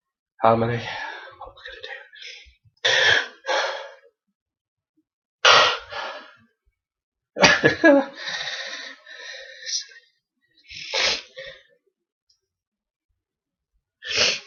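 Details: Adult with a cold, cough and flu sneezing repeatedly, with sharp hissing bursts, breathy build-ups and gasps between; sneezes described as hard to bring on; sneezing.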